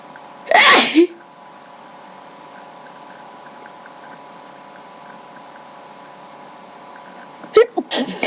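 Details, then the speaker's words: Two forceful sneezes several seconds apart during a random sneezing fit recorded on a webcam, no allergies, nose tickling; steady background hum. "Wow, that was unexpected. Sorry I haven't made a video in so long. I just haven't really had time, but I felt this random sneezing fit coming along, so I decided to record it."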